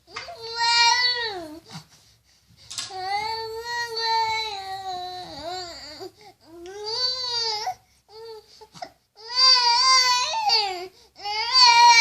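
Several long, rising and falling tonal wails with short pauses between them: an infant crying.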